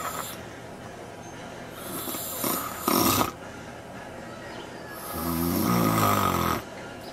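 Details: Man napping in the backyard: loud, harsh snorts and a long rumbling snore over a steady room hum; snoring.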